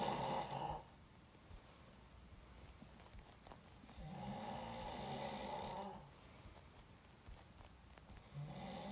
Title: The snoring sound of a famous Iranian actor recorded by his friend😂